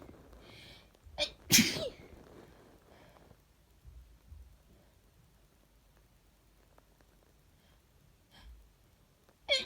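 Two sharp sneezes close together near the start, then a quiet stretch and a third sneeze at the end; ordinary sneezing with a cold.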